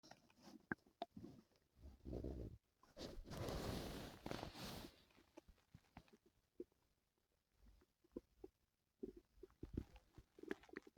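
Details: Stomach noises from a person with stomach pain the previous night: low gurgling and rumbling with scattered soft pops and a longer growl, active bowel sounds (borborygmi).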